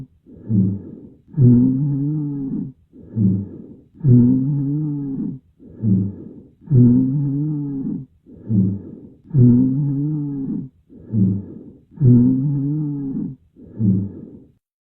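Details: Rhonchi: low-pitched, continuous snoring or rumbling sounds with each breath, about 22 breaths a minute, caused by mucus narrowing the larger airways; usually best heard during exhalation.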